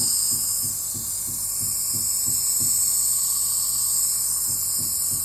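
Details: Nebuliser treatment for common cough and cold: steady high hiss over rapid low mechanical thrumming of the compressor running.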